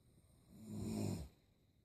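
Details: A single low, rattling snore lasting under a second.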